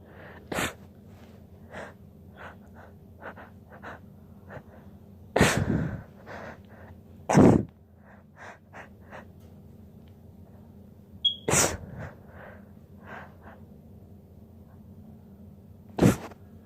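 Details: Five sharp sneezes over about sixteen seconds, with soft sniffs and snorts between, as she tries to hold back sneezing: repeated sneezing.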